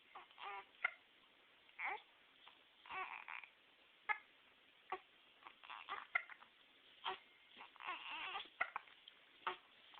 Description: my adorable grandson with the hiccups